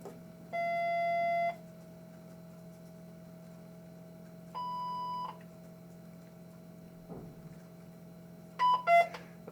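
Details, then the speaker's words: Electrosurgical unit switched on during preventive-maintenance testing in a biomedical equipment training program: a few electronic tones of differing pitch over a steady hum as the unit runs its power-on self test, before REM return-path testing. "all right next on the PM procedure we are going to turn the device on it's going to go through a self"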